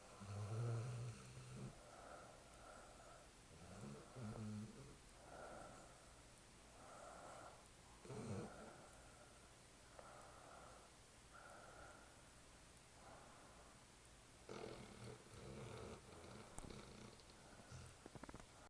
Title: Spike snoring